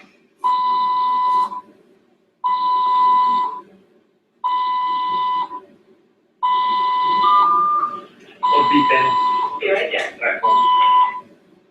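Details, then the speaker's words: At the hospital during a podcast recording: long steady tones repeating about every two seconds with a brief voice at the end, a monitor alarm prompting a call for the nurse. "Oh, look, there's the beeps. Hold on. Let me call the nurse real quick."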